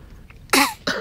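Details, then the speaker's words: Hiccups in a young girl, with someone trying to stop them: a sudden sharp voiced catch, then a second shorter one, in a quiet room. "okay we have to make her hiccup stop how i know how"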